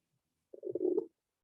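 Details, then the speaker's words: Brief gurgling burst heard on abdominal auscultation of a 27-year-old man: normal bowel sounds; abdomen soft and non-tender, with no masses or organomegaly. "And I'm just going to listen to your tummy. You hear the bowel sounds?"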